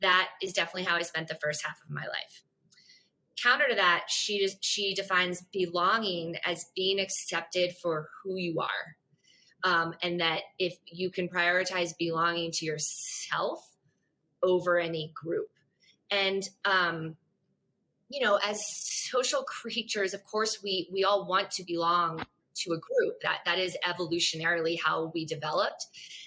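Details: Stuttering in an adult woman introduced as a person who stutters.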